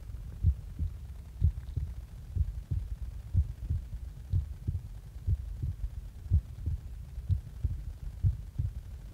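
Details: Heart sounds recorded just after waking: regular paired low thumps at about 60 beats a minute; an ordinary heartbeat.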